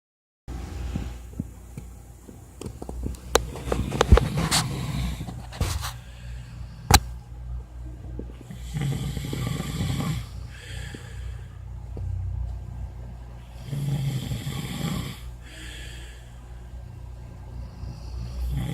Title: Snore pa more